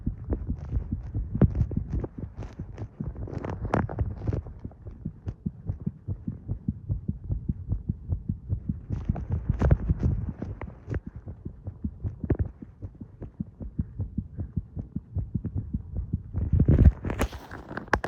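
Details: Own regular heartbeat recorded while smoking: steady low heart thumps with soft background hum and a brief rustle near the end.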